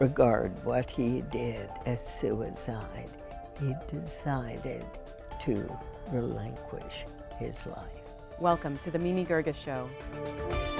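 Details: Adult female radio host first diagnosed with spasmodic dysphonia in 1998, treated every four months with botulinum toxin injections into the vocal cords; spasmodic dysphonia.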